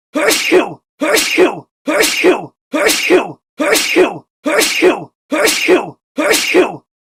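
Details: Sneeze sound effect: eight identical two-part sneezes repeating in a steady loop, not a natural bout.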